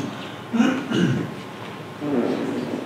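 Muffled, blurred speech bursts imitate how a cochlear implant user hears a voice, with little fine detail.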